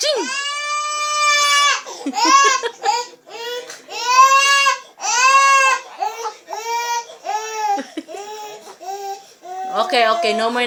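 Repeated high-pitched wailing cries in short bursts with gasping breaths between them; an infant crying.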